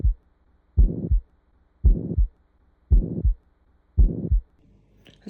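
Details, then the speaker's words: Septal defect murmur (ASD/VSD), taught as an ejection systolic murmur mostly seen in pediatrics: regular heartbeat about 56/min with a harsh whooshing murmur filling the gap between first and second heart sounds. "اي اس دي اللي هو اتريال سبتال ديفكت والفنتريكولار سبتال ديفكت، هذا راح يجي ويا الايجكشن سيستوليك مرمر."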